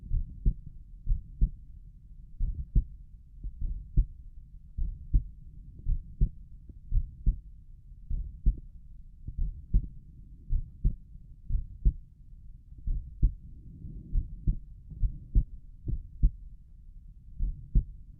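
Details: Own heartbeat at Erb's point, recorded while lying down and trying to relax: steady, low lub-dub normal heart sounds at roughly 55 to 60 beats a minute.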